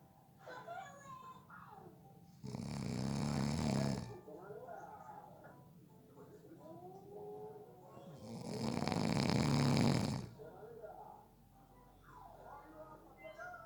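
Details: A person napping gives two loud, rough snores on inhaling, several seconds apart, with quieter breathing and faint background sounds between: ordinary heavy snoring.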